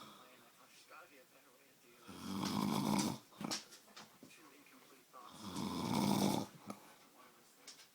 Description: who is this snoring